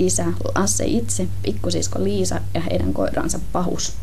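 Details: Adductor spasmodic dysphonia, a neurological voice disorder, in a patient reading a children's story aloud before treatment; the clinician says the recording shows typical features of the disorder.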